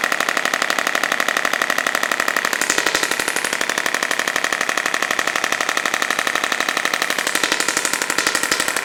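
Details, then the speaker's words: Radial shockwave therapy on lower back of a woman with 5+ years chronic low back pain and reduced lumbar flexion, treating adhesion: even rapid tapping pulses about four per second; shockwave device firing. "It's kind of complicated from a physics standpoint, but the original application of this machine was to break down kidney stones. So if it can break a kidney stone deep in through your organs, it can certainly break a little bit of fibrosis and adhesion about an inch into the skin."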